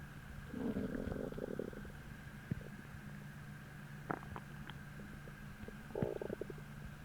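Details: Stomach growling in an adult feeling hollow and hungry, hours after a heavy bloating dinner: gurgling, bubbling rumbles in two bursts with small pops between, over a steady hum; normal hunger borborygmi.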